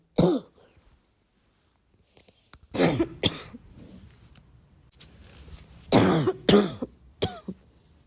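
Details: Congested, barking cough in repeated bouts with throat clearing and snorting: barking cough.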